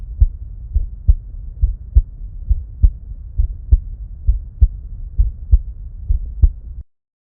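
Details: Heart sounds recorded with an EKO DUO digital stethoscope alongside simultaneous ECG; steady paired low heart sounds at about 67 beats a minute, faint background hum, no narration.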